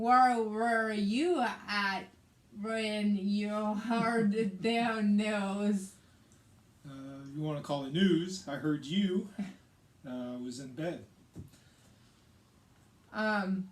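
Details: Aphasia in a woman after a hemorrhagic stroke in May 2020, with right-sided hemiparesis, brain surgery and an ICU stay; the aphasia also affects her reading and writing.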